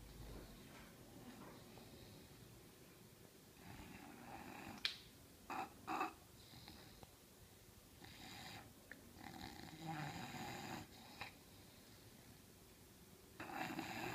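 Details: Soft, irregular snorting breaths over a noisy room background; snoring in an English Bulldog sleeping on the couch.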